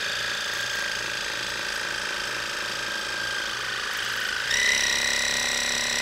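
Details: Steady buzzing motor whine with rapid pulsing, rising in pitch, as an irrigation device flushes a long-standing impacted wax chunk from an adult's ear canal after curettage caused a small abrasion; ear irrigation device in use.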